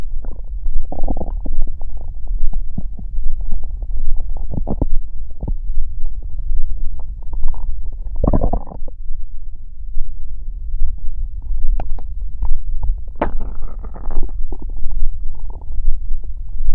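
Deep, irregular gurgling and rumbling with a few louder bubbling surges, ordinary stomach growling.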